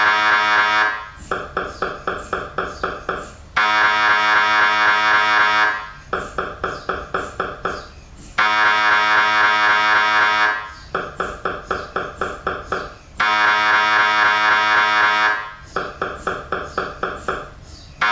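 Loud, rapid, regular electronic knocking and buzzing in repeating blocks of a few seconds, separated by brief pauses, typical of an MRI scanner running.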